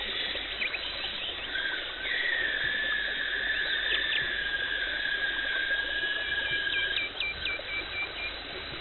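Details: Steady high-pitched whine with hissing and light clicks from an ultrasonic scaler and suction as a dental hygienist removes tartar and plaque during teeth cleaning.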